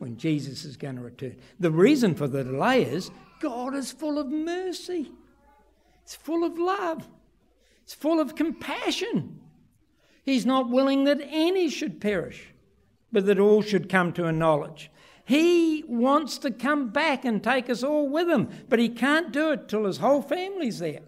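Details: Adult man, preaching; typical speech.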